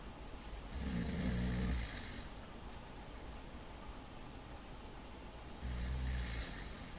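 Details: Person sleeping inside an N-BOX+ car, snoring.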